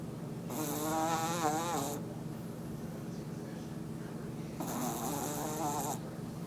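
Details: Teddy snoring during a short nap: two buzzing, fluttering snores about four seconds apart over a steady background hum.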